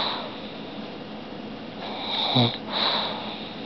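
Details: Sleeping pug after a day of walking and running: noisy snuffling breaths with a snorting, wheezy inhale and rough exhale; loud snoring.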